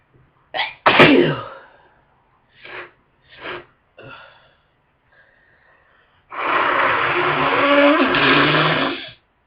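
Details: One forceful sneeze, then short sniffs and a long, loud nose-blowing honk, from someone who just woke up with a wicked head cold causing powerful sneezes and heavy congestion.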